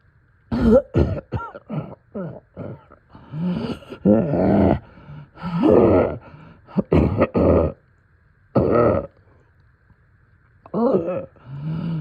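Repeated harsh, deep coughs and throat clearing with a rattly, congested quality, in bursts with short pauses; a wet chesty cough.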